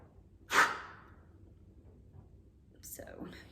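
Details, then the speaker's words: A peak flow meter demonstration for asthma or COPD: after a deep abdominal breath in, a single short, hard, fast blast into the mouthpiece, then quiet breathing. This is a forced expiration for peak flow. "and now you're going to take a deep breath in using your abdomen to fill up so your lungs can feel fully and then you're going to blow out hard and fast"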